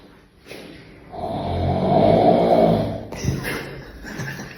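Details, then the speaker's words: Older man asleep: one very loud, long, rumbling snore on the inward breath, followed by a snort; heavy snoring. "Amca horlamıyor, evrene mesaj atıyor."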